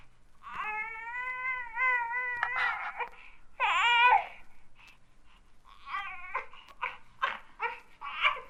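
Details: Infant grunting with a bowel movement, from a 1967 recording of baby sounds.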